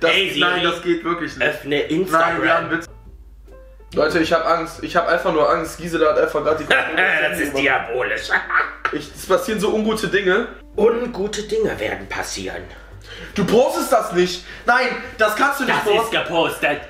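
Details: Adult male speaker; normal speech.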